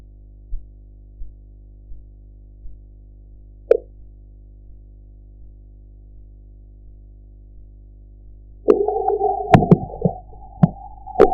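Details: Blood pressure practice audio with sphygmomanometer gauge: four soft, regular Korotkoff tapping sounds at about 85 a minute fade out, followed later by loud handling noise.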